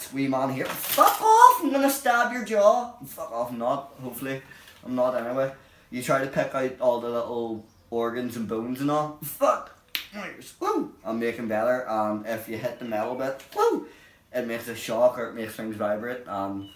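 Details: Adult man with Tourette syndrome, a neurological disorder, with real, unedited involuntary vocal tics including vulgar words; vocal tics (coprolalia) in Tourette syndrome.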